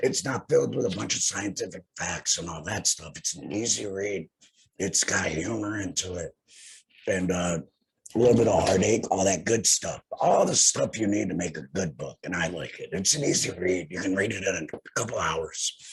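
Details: Male laryngectomee after total laryngectomy for head and neck cancer, speaking with a tracheoesophageal voice prosthesis (TEP), reports phlegm with prolonged talking; tracheoesophageal speech after laryngectomy.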